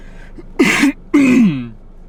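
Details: Adult with asthma coughing during a mild asthma flare triggered by talking, with shortness of breath: two short voiced cough and throat-clearing bursts without wheeze, recorded in a car with the air conditioner humming; voice weakens and coughing increases as the flare progresses.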